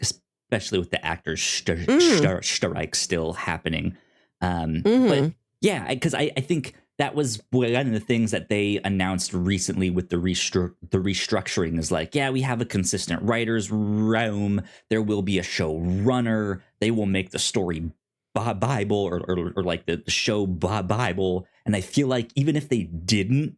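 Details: Adult male podcast host with a self-reported speech impediment; repeated words heard; stuttering.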